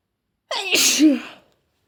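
A single loud sneeze, with a sharp inhaled lead-in followed by a forceful explosive release.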